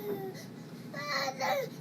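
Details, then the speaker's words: Baby crying and moving during a right hip ultrasound showing joint fluid; brief high-pitched fussing, two short wails over quiet room noise, causing movement artifacts on colour Doppler. "These are artifacts because you can hear baby crying and moving. So these artifacts are due to movements."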